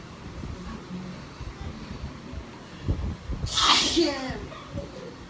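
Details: Sneeze induced by nose swabbing (ASMR sneezing treatment): quiet murmuring, then one sharp, forceful, hissing burst; a single sneeze.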